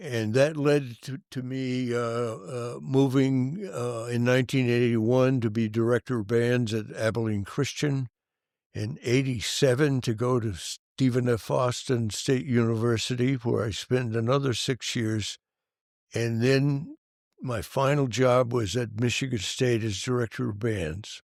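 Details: Adult male band director who has stuttered since childhood, severe when very young and for many years, and still stutters: stuttering.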